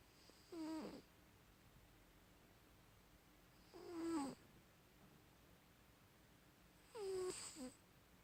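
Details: Three soft, nasal, squeaky snores about four seconds apart during sleep in a quiet room; light snoring.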